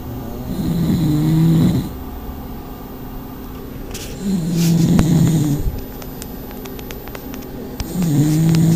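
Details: Pugs in a snoring contest, asleep: loud, rattling snores on each in-breath, about three in eight seconds, with quiet breaths out between; flat-faced dog snoring.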